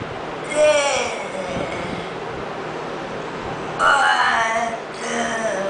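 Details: Patient with amyotrophic lateral sclerosis (ALS) speaking in a speech therapy session; finding: mixed dysarthria with spastic features.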